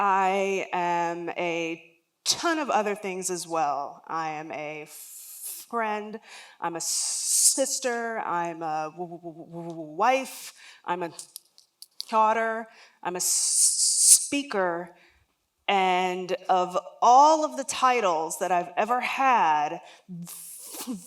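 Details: Adult woman with lifelong developmental stuttering, onset around age three and never outgrown, real stuttering heard during a public talk.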